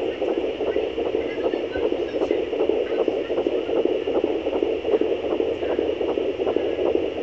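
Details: Fetal heartbeat at 13 weeks of pregnancy heard on a fetal Doppler: fast, regular whooshing pulses.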